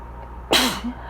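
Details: A person reading aloud about pollination during an allergy fit gives one sharp, explosive sneeze, with a quick intake before it and a voiced tail after it; allergic rhinitis sneezing.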